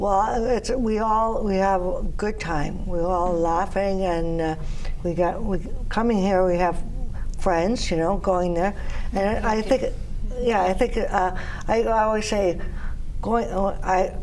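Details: Aphasia after strokes in an adult woman: non-fluent speech with word-finding difficulty.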